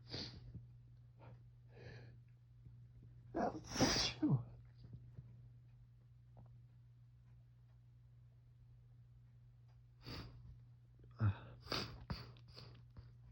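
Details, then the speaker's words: Adult woken about six minutes earlier by fall allergy sneezing, with an itchy nose; suspects ragweed or mold from dead leaves. Several sneezes come in quick bursts, some paired or in runs, between quiet gaps, with faint music. "And again, just the most overwhelming wave of tickles. That's definitely That's definitely allergies. those fall allergies."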